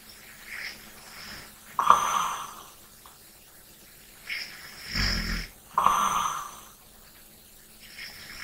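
Slow, soft snoring breaths, some snorting and some lighter, come about every four seconds in a quiet room: snoring during sleep.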